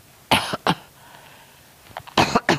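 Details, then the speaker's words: Elderly grandmother coughing strongly: two short dry coughs, a pause with faint breathing, then two more. She suggests medication may be a cause and is recovering from an illness caught after new exposure to people. "what you coughing for I don't know it's the it's um medication too oh"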